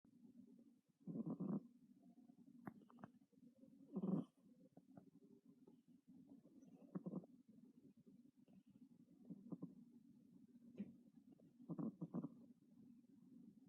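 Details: Sleeping cat described as a loud snorer: soft, low purring rumble with louder rough snoring breaths about every three seconds.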